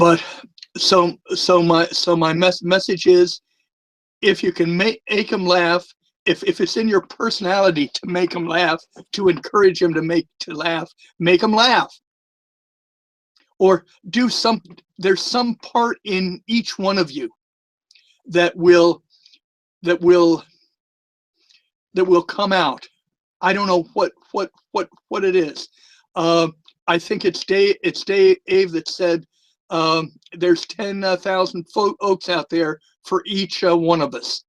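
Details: Stuttering for years, with a self-reported lisp, in a retired male former social worker; he says it is more noticeable with the microphone close to his mouth.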